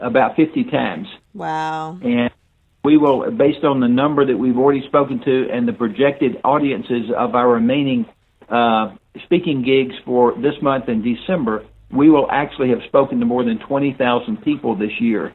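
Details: Adult man; normal speech.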